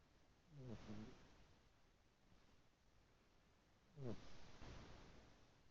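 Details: Sleeping pet lying on a lap: two low, rattly snoring breaths about three seconds apart with quiet room noise between them; snoring.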